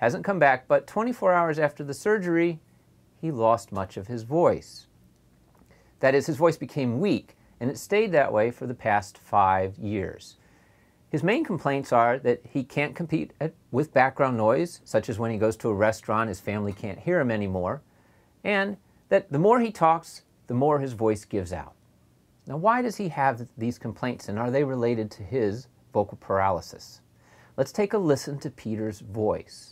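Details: Adult male speaker; normal speech.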